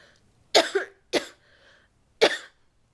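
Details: Three short, dry coughs in a quiet room, each a sharp burst, the first a double cough, from a person who is still sick with a cold, has a doctor-diagnosed left ear infection, and is taking cold medication.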